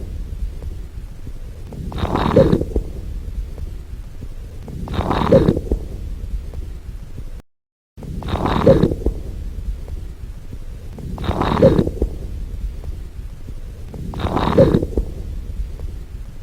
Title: Breath Sounds (Crackels)